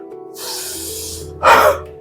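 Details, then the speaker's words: Huff (forced expiration) technique shown as a home aid for clearing phlegm in allergy-related chest congestion, alongside medicine: a long breath in through the nose, then one sudden forceful puff of air out through the mouth. "മൂക്കിലൂടെ ശ്വാസം ഉള്ളോട്ടേക്ക് എടുത്തിട്ട് വാവായി sudden ആയിട്ട് ശ്വാസം പുറത്തോട്ടേക്ക് വിടുക"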